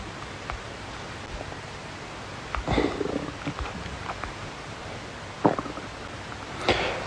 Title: Stomach Growling Compilation